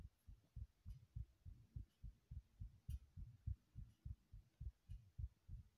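Regular low thumping heartbeat, about 100 beats a minute, with paired thuds through a faint hum.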